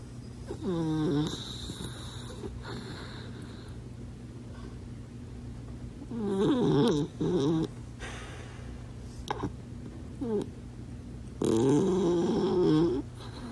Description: Bandit is a loud snoring dachshund, and his missing teeth and weight issues can't help much.